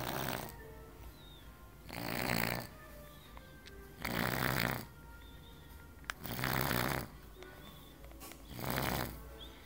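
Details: Loud, regular snoring on each breath, about 28 a minute, with faint background sounds.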